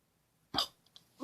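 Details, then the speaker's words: Person who got hiccups from laughing too much: a single sudden, sharp gulping catch of breath in a quiet room; a hiccup. "Okay, so I was laughing so much, I got the hiccups."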